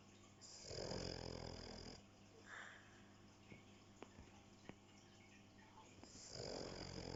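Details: Soft, rattling snores on slow breaths with faint clicks between, from Pepper filmed while asleep; snoring.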